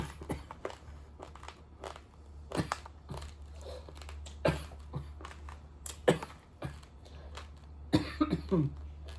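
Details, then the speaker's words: Several short coughs mixed with crunching and chewing as an adult eats raw rice in a small room; lingering cough after a recent illness, blamed on Taiwan's seasonal weather change. "Baru aja sakit teman-teman, batuk belum agak sembuh batuknya."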